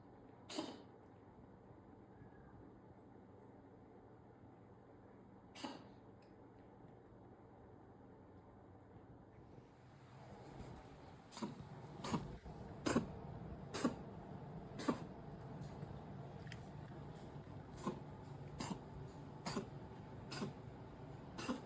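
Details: A cat gives short, sharp coughing bursts, isolated at first, then a rapid run of hacking coughs.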